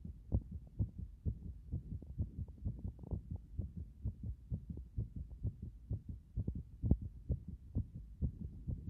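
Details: Heart sounds recorded through a stethoscope at various chest positions: regular low thumping heartbeats, about 65 beats a minute.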